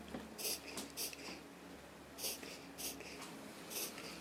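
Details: Dog with reverse sneezing attacks starting after recent boarding: rapid repeated snorting inward breaths in short bursts; reverse sneezing.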